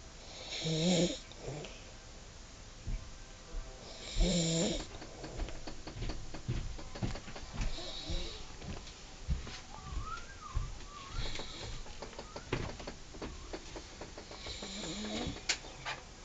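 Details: A person asleep in bed at about 2:30 in the afternoon, back in bed an hour after getting up; irregular low rumbling snoring with soft snorts, roughly 17 breaths a minute, over faint room noise.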